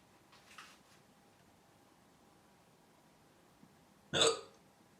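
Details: One faint catch near the start, then one sharp, abrupt hiccup in a quiet room: the person's own hiccups.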